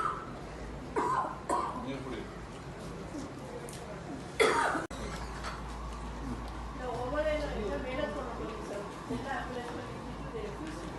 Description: Who coughed while R Ashok, Vishwanath, Thejaswi Surya were having food during this pandemic !?